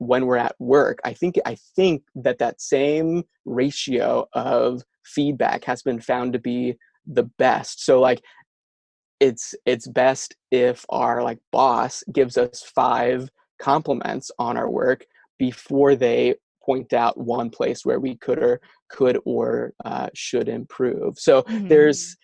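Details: Stuttering in an adult male speech-language pathologist who says he stutters himself.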